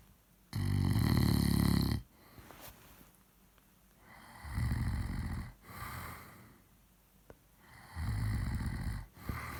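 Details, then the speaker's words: Heavy snoring in a drunk sleeping person: loud, low, rattling snores on each breath in, about three in ten seconds, softer breathing out between, likened to a steam train. "So graceful. You'd think it was like a steam train."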